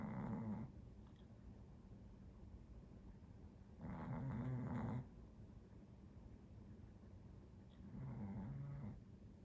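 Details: Snoring: three loud, rough snoring breaths at regular spacing, about 15 a minute, with quiet gaps between them.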